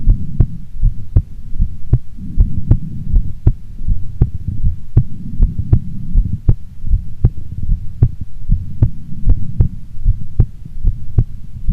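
Steady low thumps in a regular rhythm at about 79 beats a minute, with a soft background hum; a normal adult heartbeat.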